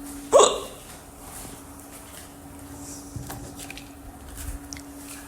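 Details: Deep hiccups that started immediately after eating chips.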